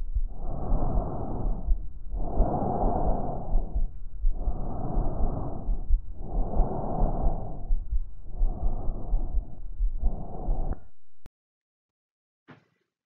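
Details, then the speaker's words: Stethoscope on the neck over the larynx and trachea: loud, harsh, hollow breath sounds, both inhalation and exhalation clearly heard, normal tracheal (laryngotracheal) breath sounds. "escucharemos primero el murmullo laringotraqueobronquitis a la hora de poner el estetoscopio en el cuello en el área de la faringe o tráquea una laringe la tráquea"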